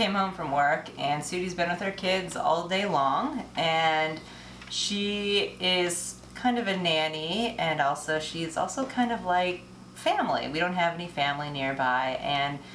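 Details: Adult woman speaking; no disorder.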